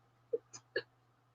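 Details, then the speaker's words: Three short, sharp hiccups in quick succession over about half a second from a woman during a live stream after eating cheesecake; she reports frequent hiccups or burping with her eating problems; hiccups. "Eating that cheesecake was the worst thing I could have done. To Mama got through another scene. That's good. Oh, I'm glad to hear it. I'm sorry. I have hiccups now."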